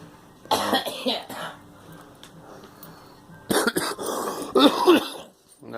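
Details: Girl coughing.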